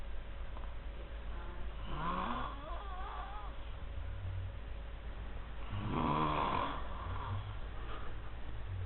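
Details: Loud snoring: two long, rough, loud breathing sounds during sleep, separated by a quiet pause, over steady room hum.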